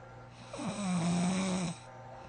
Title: Heavy snoring💤